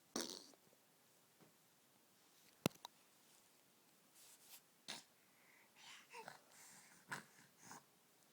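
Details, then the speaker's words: 4-month-old Mia sneezing: several short, sharp puffs of air spaced a few seconds apart in a quiet room, from a small animal; sneezing. "Mia, can you sneeze?"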